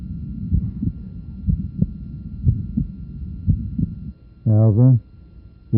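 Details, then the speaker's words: Split second heart sound, heartbeat near 60 a minute; a wider split that did not become single with expiration became single in the sitting position. "and also a wider split of the second sound which does not become single with expiration"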